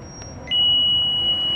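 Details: Steady high-pitched electronic tone as a defibrillator charges to 30 joules during a pre-use energy test on a tester, over faint room noise.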